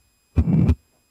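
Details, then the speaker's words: SAM adult male auscultation manikin, heard at the aortic area: simulated severe aortic stenosis with a loud harsh murmur throughout systole, peaking late and ending at S2. "note that the murmur is throughout syy with late peaking ending at S2"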